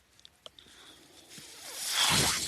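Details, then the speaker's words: Speaker's own mechanical ventilator heard during a spoken podcast: a few soft clicks, then a rising rush of air as the ventilator delivers a breath. "My name is my noise you're hearing is my ventilator."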